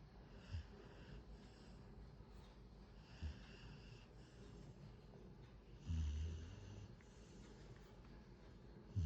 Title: Something startles her- then right back to snoring 😂